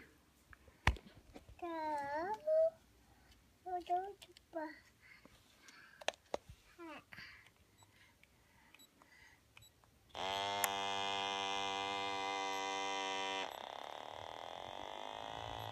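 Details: Adult using an automatic wrist blood pressure monitor (ReliOn vs Omron IntelliSense comparison), wrist held over the heart: button clicks, short chirping beeps, then steady buzzing pump whine inflating the cuff before easing off; reading 129/74, pulse 81.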